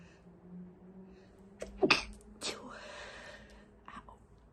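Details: Two sharp, muffled sneeze bursts held back to stay quiet, with a brief breath afterward; stifled sneezes.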